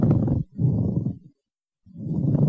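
Low, coarse grating bursts with breathing, a pleural friction rub from inflamed pleural layers rubbing together.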